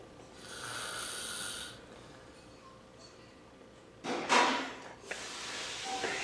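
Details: A sleeping man snores: a hissing draw of air, a quiet stretch, then a loud rattling snort; snoring.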